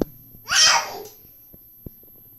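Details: A single short, hissing sneeze-like burst, then quiet with faint clicks, from a baby playfully acting with daddy; a sneeze.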